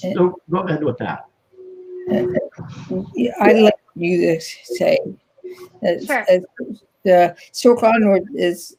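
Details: Woman with aphasia after a stroke in 2010, in ongoing rehabilitation therapy; aphasia.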